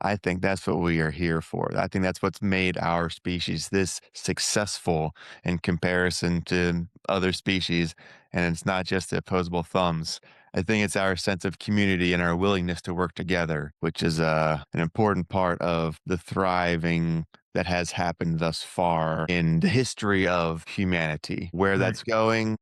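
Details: Adult man speaking; ordinary speech.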